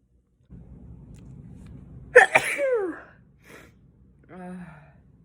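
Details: A sharp, forceful sneeze with a quick inward catch before it, then brief softer sounds in a quiet room, one of five sneezes; sneeze.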